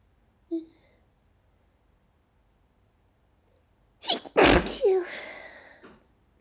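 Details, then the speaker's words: Stifled allergy sneeze: a faint catch, a short build-up, then a muffled burst trailing into a voiced sigh; the itch and tickle persist. "Phew. Oh, it still itches. Phew. Phew. The tickle is just not going away. I think I have to let them out."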